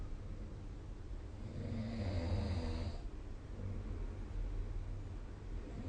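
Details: Single low, rumbling, vibrating snore on inspiration against quiet room noise, followed by quieter breathing; snoring recorded with the SnoreLab smartphone app.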